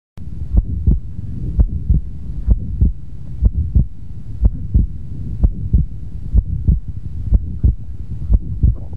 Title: S2 Splits - Fixed, Wide & Paradoxical